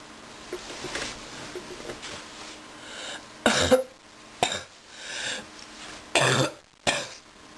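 Several harsh, irregular coughs and throat clearing in a small room, consistent with an illness-related cough.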